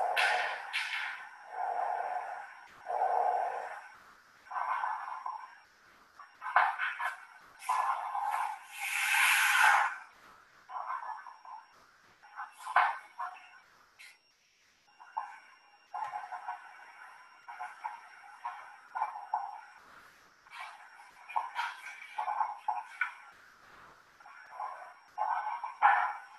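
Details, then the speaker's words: Coarse crackles on a lung simulator (Physiko) for clinical skills distance learning: irregular bubbling, popping bursts over breath sounds, heard over front then back of chest. "uh um the case here is called graco compared with the hot sound the damn sound seems better compared with hot sound i suppose you could hear the bubbling sound that comes from the crackle sound"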